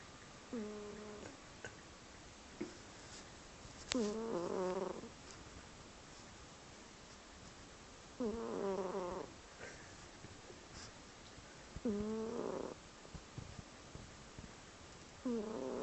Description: My cat sound asleep making very funny noises